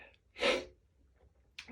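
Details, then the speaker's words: Morning allergy sneezes after waking with a tickly nose, trigger unknown: a single sharp, explosive sneeze after a brief breath in, in a quiet room, one of a repeated series. "It's going to be a Sneezy day. Sneezy day. Oh my gosh, excuse me. I don't think I'm quite done yet."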